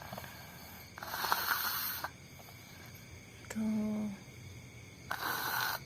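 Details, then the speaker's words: A sleeping subject who sleeps with eyes open snores repeatedly: snoring. "Jadi Miko itu kalau tidur pasti kayak gitu, matanya melek. Ngorok ngorok lagi."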